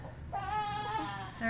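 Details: Infant during tummy time: brief, rising and falling fussy cry in a quiet room; infant cry.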